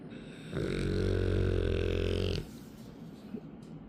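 One loud, low, rattling snore lasting about two seconds, then quiet.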